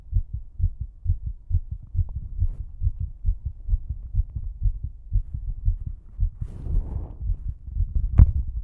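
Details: A struggling female's fast, strong, regular heartbeat during exercise, with a brief breathy rush near the end.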